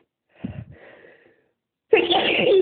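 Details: Itchy sneezes: a short breathy build-up, a pause, then a loud, sharp sneeze burst.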